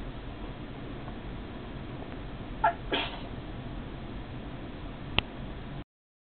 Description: some more sneezing!